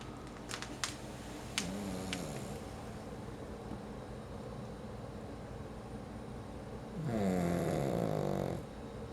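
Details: Sleeping pug snoring: steady noisy breathing with a long, loud, buzzing snore near the end and a few brief clicks; snoring.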